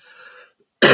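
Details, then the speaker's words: Adult with emphysema, recovering from illness: soft breathy exhale, pause, then the sharp start of a loud cough; reports the cold air makes the chest sore. "I've still got the cough, as you can hear, the emphysema, and when you go out in the cold air, it does make my chest sore a little bit for a half an hour or so until I got used to it."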